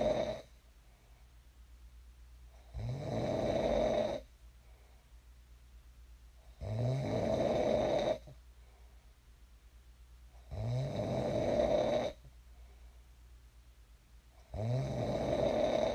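Steady snoring at about 15 breaths a minute, each in-breath a buzzing, fluttering rattle separated by quieter out-breaths.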